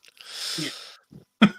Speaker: I take it people didn't hear the word steam deck in the middle of that sneeze but never mind